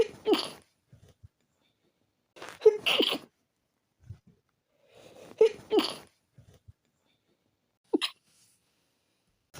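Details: Three sharp sneezes from a tickly feeling in the nose, each with a quick in-breath before it, then a small trailing sniff.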